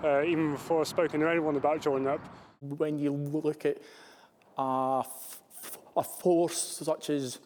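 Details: Adult male RAF corporal with a stammer, managed with speech therapy that helped him cope more confidently; real, unacted speech; stammering.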